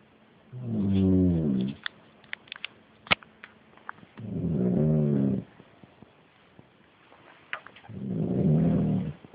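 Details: An uncle asleep gives three loud, low, rattling snores at a steady pace of about 16 breaths a minute, with quiet pauses between; snoring.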